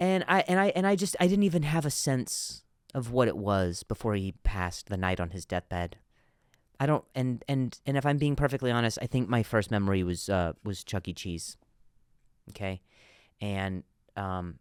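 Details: Adult male comedian who stutters, with word repetitions: stuttering.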